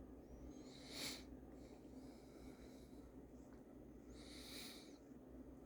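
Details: Wheezing from Milo, a cuddly pet: two brief hissing, whistly snort-like breaths, fitting noisy wheezy breathing.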